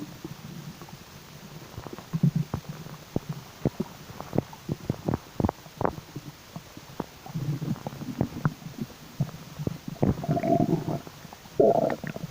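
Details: Stomach growling: gurgling and low rumbling stomach noises with scattered short pops; bowel sounds.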